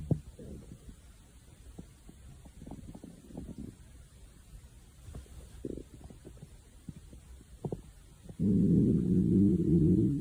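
Soft gurgling bursts and low rumbles, ending in a long, loud growl; hunger-related stomach growling, a normal sound of gut movement.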